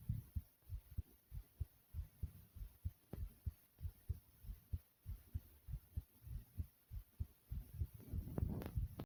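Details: Strong, rapid low heartbeat thumps at about 97 a minute, a tad fast after jumping in place; fast heartbeat after exercise.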